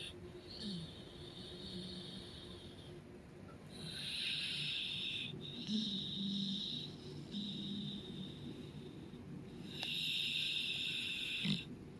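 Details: Dog Cleo snoring loudly while asleep, tail end of a long bout: repeated breathy, whistling snores with soft snorts against steady room noise.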